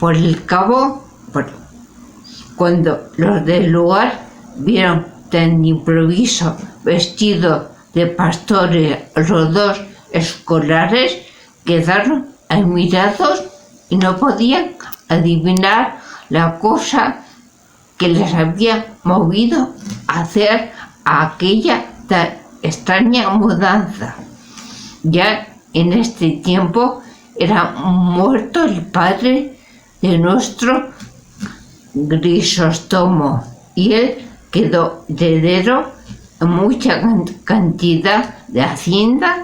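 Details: Spanish-speaking adult with aphasia, a member of an aphasia association, reading Don Quijote chapter XII aloud in a pre-recorded session; aphasia.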